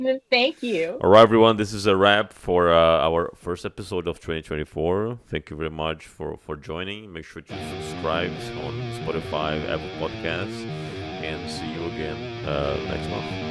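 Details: Adult male speaker, then guitar music; ordinary speech.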